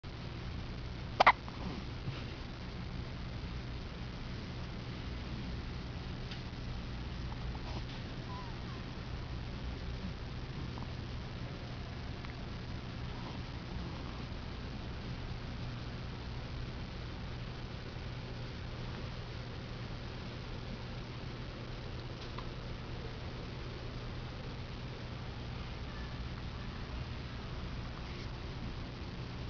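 One sharp, brief infant hiccup near the start, then only steady low room hum.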